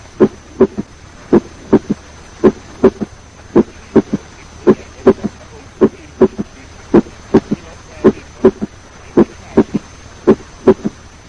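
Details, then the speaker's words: Third heart sound (S3) about 150 milliseconds after the second heart sound, best heard with the stethoscope bell at the apex with the patient in left lateral position. "It occurs about 150 milliseconds after the second heart sound and is best heard with the bell of the stethoscope at the apex with the patient in left lateral position."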